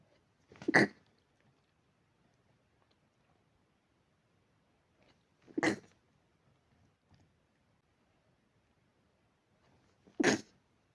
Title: dog allergy pinch sneezes